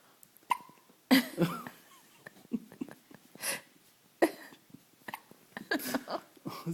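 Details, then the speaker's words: Hiccups in a 5-day-old newborn boy, seen in his little chest: repeated short, abrupt gulping sounds, several in a few seconds, with faint adult voices nearby. "Hey, you got the hiccups?"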